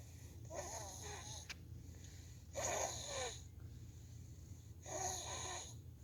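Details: Girl asleep after a trampoline park outing: three rough, rattling breaths about 2 seconds apart against steady room hum; snoring during sleep.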